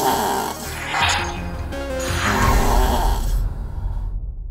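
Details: Two rough, rattling breaths drawn in during sleep over background music, from a TV health program preview on snoring and obstructive sleep apnea; snoring.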